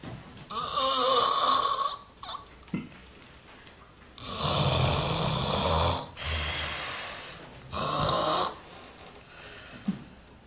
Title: snoring extreme - russare in modo estremo - gerrhitje madheshtore